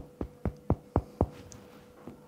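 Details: Five evenly spaced hollow taps with a brief low ring, quiet room behind, in a self-demonstration of finger percussion over one's own chest; a normal resonant percussion note over the lungs.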